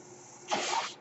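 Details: Speaker's own mechanical ventilator heard while he talks on a podcast: one breath cycle delivered by the ventilator.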